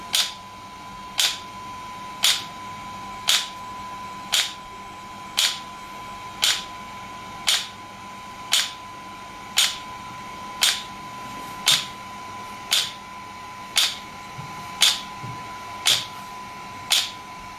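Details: Pulses from an SW5S shockwave therapy device for ED and plantar fasciitis, with the feet placed up and gel applied: sharp, evenly spaced clicks, about 57 a minute, over a faint steady tone.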